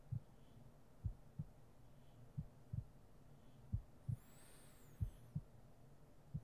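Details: ASMR role-play sleep-aid heartbeat sounds: steady paired lub-dub beats at about 55 a minute over a low hum, with a faint high sweep in the background.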